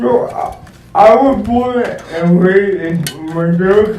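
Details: Speech impairment in an adult male founder and CEO introduced as physically challenged and speech impeded; the specific disorder is not named.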